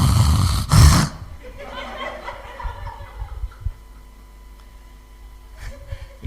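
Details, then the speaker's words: Imitated snore demonstrating the type that sounds on both breathing in and breathing out: loud rough snort on inhalation, another on exhalation, then quiet room sound. "Ah memang kalung ngorok itu kan ada tiga macam yakni dia ada orang yang tariknya Hai ada yang tarifnya Hai tadi Apa tariknya bunyi sekarang tariknya Diam lepasnya yang bunyi ini dua karunia yang berbeda ada yang double kadonya"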